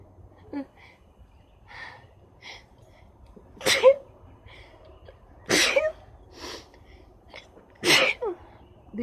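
Three forceful sneezes in quick succession with sniffing and nose-blowing sounds between them.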